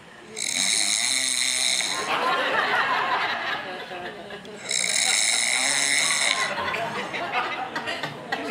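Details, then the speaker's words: An adult man's snoring while asleep, recorded on a phone and played back: two harsh, rattling snores a few seconds apart with faint room chatter. "part of the I mean it goes on and on it's like it's 17 minutes can I tell you what I hear can I tell you what I hear no but what's interesting before you tell me what you hear is that at a certain point you started snoring on the exhale also"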